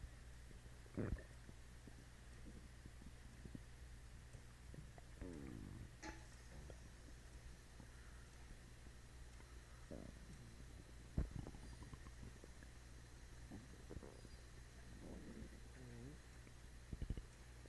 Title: Gassy Gurgles With Some Burps